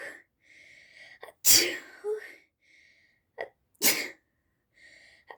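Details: Sneezes triggered by sneezing powder: two loud, explosive sneezes, each with a short inhaled build-up, amid quiet talk; ordinary sneezing.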